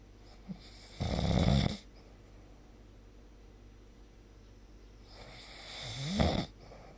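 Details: Snoring recorded with the SnoreLab app: two loud rattling inhaled snores about five seconds apart, with quiet breathing between them; snoring during sleep.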